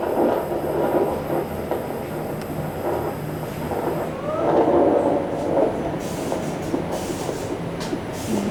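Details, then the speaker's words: Handheld Doppler on a pregnant woman's belly during a prenatal visit where her legs are noted as swollen: rapid, rhythmic whooshing pulses, the normal sound of the unborn baby's heartbeat. "So, but we heard the baby's heartbeat, and that's what we wanted to hear."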